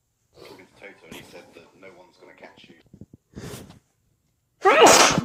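Soft low voicing and a short burst, then one loud explosive sneeze near the end.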